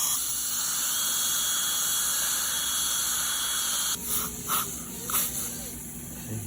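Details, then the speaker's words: Dental drill trimming temporary veneers after bonding agent cured with UV light during a full veneers procedure: steady high-pitched whine with hiss, then brief intermittent drilling bursts. "we're going to see the temporaries on their raw form now trim the temporaries right"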